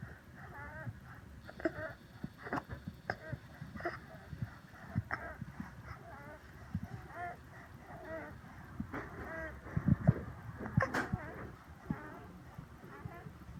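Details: Asthmatic child before nebulizer treatment, recorded for doctor: noisy, labored breathing with high, musical, honking stridor and wheezes, with chest indrawing and tracheal tug.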